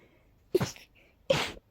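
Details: Sneezing with a cold, high pollen and dust: two forceful, rapid sneezes, each with a sharp in-breath and an explosive nasal burst; sneezing.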